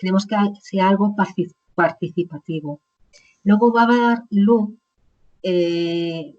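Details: Woman with chronic aphasia after a stroke about 20 years ago, speaking in an interview.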